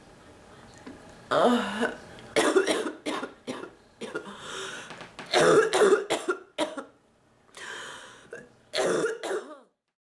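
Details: Persistent coughing fit of repeated harsh coughs and throat clearing in bursts, some hoarse and bark-like, in a sick adult woman with a non-stop cough and back pain from coughing.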